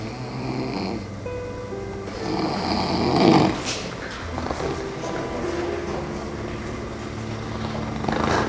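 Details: Adult man with a bent back and an undiagnosed illness who sleeps poorly, sometimes needing medication, snoring at home: rough, rattling snoring breaths rising and falling over soft background music.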